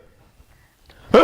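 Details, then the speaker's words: A single harsh, bark-like cough after a near-silent pause, imitated by an adult doctor to demonstrate a barking cough. "So that's, you see the barking nature of the cough, and that you have in Hepar and Sambucus."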